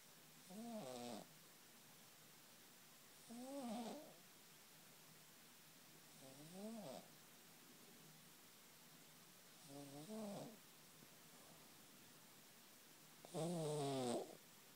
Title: Danny - Cat snoring